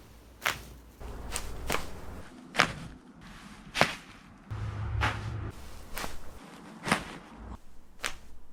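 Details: Compilation of chiropractic neck and back adjustments by an Australian-certified chiropractor: rapid series of sharp cracks and pops over shifting room noise from varied cameras; joint cavitation during spinal manipulation.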